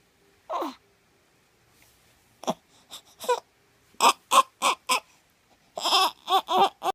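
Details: Tiny baby making hungry sounds: short, separate fussy cries and grunting vocal bursts; normal infant hunger cues.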